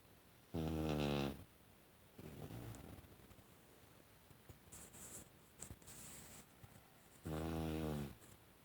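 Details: A pit bull asleep on the owner's leg making snoring sounds unusual even for her: two loud, rough, rumbling snores about seven seconds apart with quiet breathing noise between; snoring.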